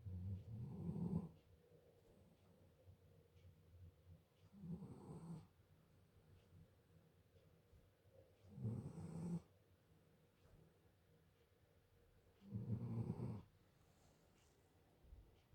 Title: snoring German shepherd lol